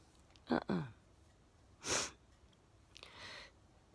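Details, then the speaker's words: A person's sneeze: a quick voiced intake, a sharp explosive burst and a trailing sniff in a quiet room, during repeated sneezing that hurt their throat; they note they are not really snotty and suspect tears draining into the nose. Sneezing. "the thing i think the funny thing is when i'm sneezing i'm not really snotty it just it sounds like i am thinks probably from t the tears in my eyes are going into my nose something like that"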